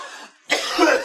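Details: Adult man smoking a cigar, coughing a lot but denying being sick: a single harsh cough burst after brief background noise.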